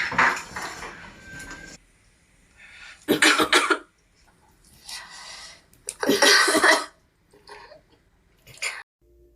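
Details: Korean girl coughing, with some burps, mentioning phlegm: several sharp, harsh bursts in about four clusters with pauses between, a repeated dry-sounding cough.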